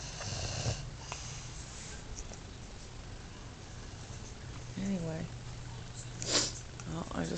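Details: Snoring from a sleeping man (dad) early in the morning around 3:20 am: low rumbling snore sounds under room noise with a few faint voiced noises.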